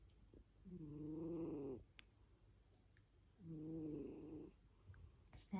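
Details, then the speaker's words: Sleeper described as having a good dream, snoring: two long, low, buzzing snores about two seconds apart, rattling sleep breathing through a relaxed upper airway. "Snack pack, roll over, you snoring. Snack pack. Gotta wake up, it's time for school."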